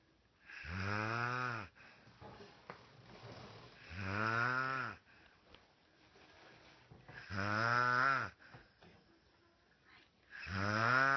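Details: Loud, regular buzzing snores on each breath in, about 18 breaths a minute, with quiet breathing between; ordinary snoring.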